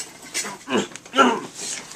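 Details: 15-year-old boy with Tourette syndrome (motor tics from age 10, vocal tics from about 11), at the start of ALF and Gelb oral appliance therapy, letting tics out: abrupt grunting and squealing vocal bursts in quick succession.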